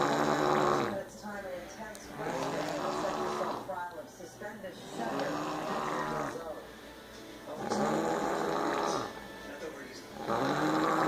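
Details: Mother asleep on a couch: loud rhythmic snores about every three seconds, with a rough fluttering quality on each breath; snoring.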